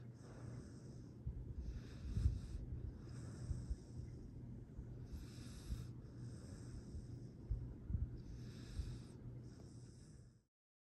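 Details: Low steady rumbling breaths with soft snorty bursts every one to two seconds from a sleeping rescue foster dog; sweet, happy snoring.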